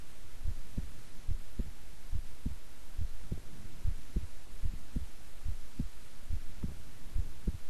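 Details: Long recording of own relaxed, resting heart sounds: steady paired lub-dub heartbeats at about 72 per minute over a low hum, no extra sounds; normal heart sounds.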